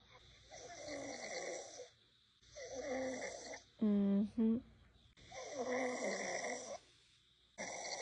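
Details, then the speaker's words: Woman snoring in her sleep: loud, rough, buzzing inward breaths every few seconds with a brief voiced sound between; described as lighter than her usual loud snoring, which sometimes wakes her. "babe you told me to record when you're snoring you're actually sort of snoring very lightly all of a sudden so you're being a hater but usually you're much louder"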